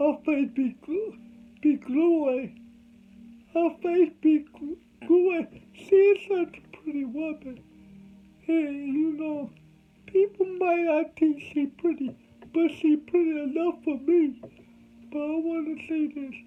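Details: Adult male with cerebral palsy from birth; dysarthria in cerebral palsy.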